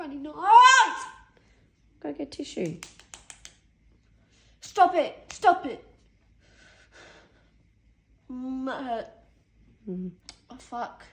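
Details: Female with Tourette syndrome on a heavy tic day, with 42 tic episodes since morning and aggressive tics, recorded shortly after taking extra medication to calm them; vocal tics (Tourette syndrome).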